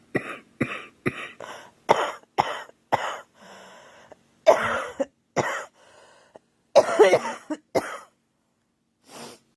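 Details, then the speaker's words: A girl who feels unwell says she keeps coughing hard, and it hurts her throat, chest and nose. There is a run of about fifteen harsh, forceful coughs in quick bursts with brief pauses. "I don't feel good at all I keep coughing hard and it's like hurts my throat my chest hurts my nose"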